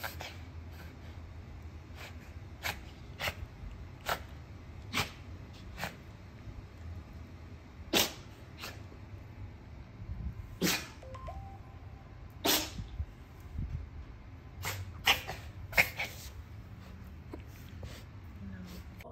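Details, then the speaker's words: A pet dog in an apartment with vet-confirmed kennel cough gives repeated short, harsh hacking coughs in a quiet room. "I think it's very, very helpful, because not all the cough sounds it's kennel cough."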